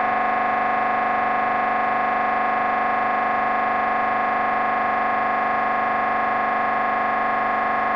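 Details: MRI scanner during a brain scan: loud, steady buzzing drone with fast, regular pulsing from an imaging sequence.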